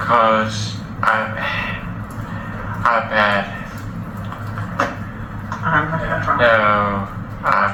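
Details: Man seven years after a stroke with mild Broca's aphasia, comprehension intact; Broca's aphasia (non-fluent speech).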